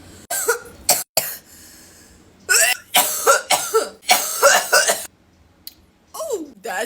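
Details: Cough after the first vape hit of the day: cough.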